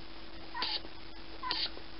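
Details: Zeke, a sleeping pet, makes two brief squeaky whistling breath sounds, a wheeze with each breath; owner notes his nose is clear with no mucus.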